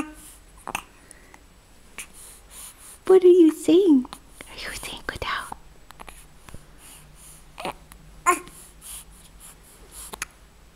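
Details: Infant at 3 weeks, cooing and crying softly with brief abrupt catches of breath from hiccups while an adult whispers alongside. Hiccups.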